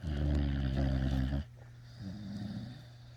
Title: Snoring puppy is just too tiyerd